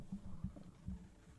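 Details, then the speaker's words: Hungry streamer holds her microphone to her stomach: low, soft gurgling rumbles of ordinary hunger-related bowel sounds (borborygmi). "do you guys think if i put my mic to my stomach you guys can hear me can hear it grumble because i'm high key hungry"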